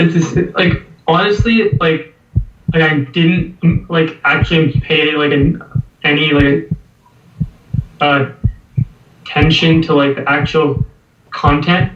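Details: Stuttering (stammering) in a 19-year-old male US college student speaking spontaneously, apparently before a speech course. He has stammered as long as he remembers, and the problems reportedly began at age 8 after adenoid removal.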